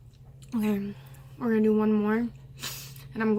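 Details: Deliberate swallowed-air burps, attempting the longest burp with nothing drunk beforehand: three drawn-out, voiced belches with a steady low pitch and quiet gaps between them.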